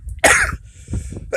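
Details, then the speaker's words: Imitated single loud, open cough without covering the mouth, shown as the wrong way to cough; the demonstrator reports having a severe cough. Room noise follows the cough burst. "ऐसे नहीं खांसना चाहिए। क्यों? क्योंकि जब हम ऐसे खांसते हैं ना आ करके, तो जो बाहर जो हवा में जो कीड़े मकोड़े या जो वायरस घूमते रहते हैं वो मुंह के अंदर चले जाते हैं, तो वो सीधे आपके लंग्स फेफड़ों के पास चले जाते हैं।"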